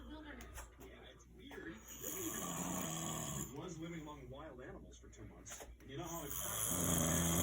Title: Haha “I don’t snore” proof!!! June 10 2020